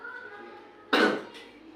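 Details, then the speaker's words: Soft voiced sound, then one sharp deliberate cough with a brief tail; simulated effective-cough training in a nursing skills-lab role-play, seated patient on oxygen after three deep breaths. "1, 2, 3 tarik nafas. 1, 2, 3 keluarkan. Ini Pak, ini batuk."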